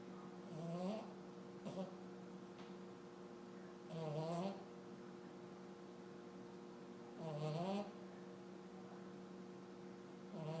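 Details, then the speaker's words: A person sleeping hard: slow, regular rattling snores about every three seconds, roughly 18 a minute, over a steady electrical hum. "for for somebody a snore somebody likes to snore yeah sleeping hard good night"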